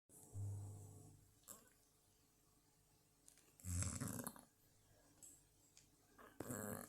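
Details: Low, rumbling snores repeating every few seconds from a sleeping dog, quiet room noise between; dog snoring.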